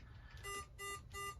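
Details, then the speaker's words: Portable SpO2/capnography monitor in a training demonstration: three repeated electronic alarm tones over low room rumble as the finger probe is removed so it stops beeping and alarming. "And we'll take this off because it's going to continue to beep and alarm."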